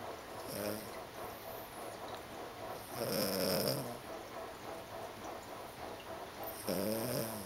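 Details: Snoring from a sleeping dog: rough, rattling snores, roughly 17 a minute, with quieter breaths between; ordinary snoring.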